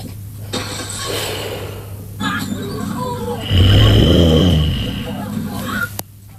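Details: Female sleeping: loud, deep rumbling snoring with a squeaky yawn-like sound over noisy background; snoring and yawning during sleep.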